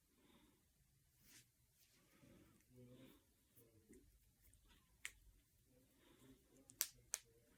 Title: Cracking my fingers and knuckles.￼